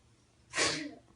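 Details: A single sudden, hissing sneeze with a brief voiced tail, one of repeated sneezes; she is described as sick with a cold, and an allergy is wondered about.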